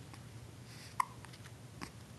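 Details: 6-week-old baby girl, unclothed, with hiccups: one sharp, brief hiccup click against quiet room noise, then a softer second catch shortly after; infant hiccups.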